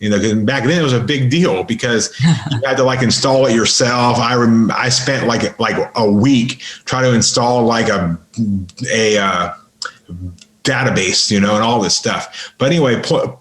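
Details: Adult man with a lifelong stutter, severe by his own account, improved through practice and an intensive stuttering school; real stuttering in a podcast interview.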